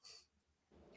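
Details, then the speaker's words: Dog snoring, recorded in the background during a podcast. "it's my dog snoring his fat ass is snoring right now"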